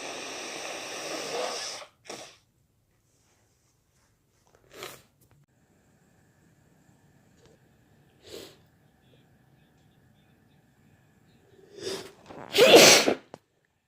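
A few sniffs and small snorts, then a build-up breath and one loud, wet, explosive sneeze; a normal sneeze.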